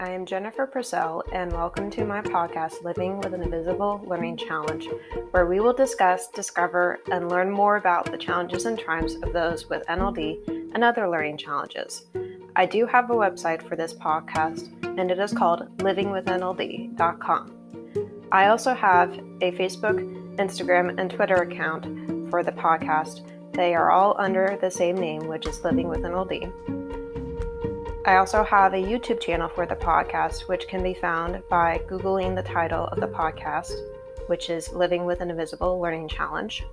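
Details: Adult female speaker; normal speech.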